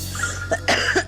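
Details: Adult waitress has a coughing fit after tasting garlicky food: two or three short, harsh cough bursts with a steady low hum behind; cough.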